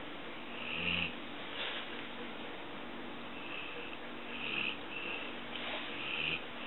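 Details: Yellow Labrador snoring while sleeping with eyes open after a grandchild walks by: soft, irregular snorting breaths, about four snores over seven seconds, against a steady low hum.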